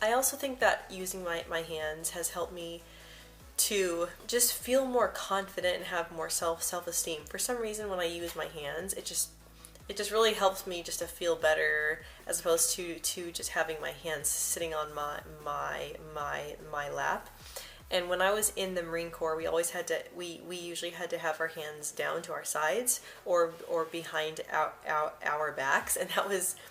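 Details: Adult woman who describes herself as a person who stutters, with frequent word and part-word repetitions; she mentions blocks. Finding: stuttering.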